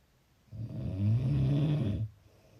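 One low, rattling snore on a breath in, lasting about a second and a half; snoring.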